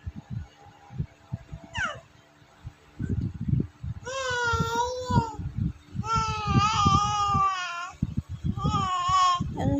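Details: Baby aged 3 months and 26 days babbling, with drawn-out vowel coos and squeals, while the mother talks softly to the baby; normal early cooing, with brief crying heard afterwards.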